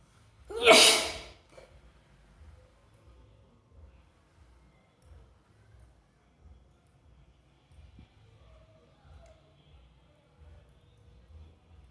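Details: One loud explosive sneeze, then quiet breathing and low rhythmic room noise.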